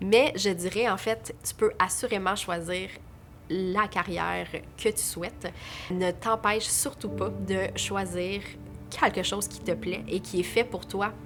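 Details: Adult French-speaking woman who stutters, real speech: stuttering.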